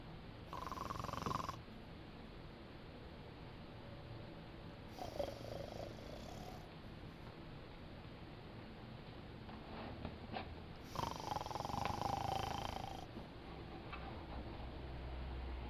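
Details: Bear snoring while Bird messes with him: quiet, rough, rattling breaths recur every few seconds over steady room noise, consistent with soft snoring.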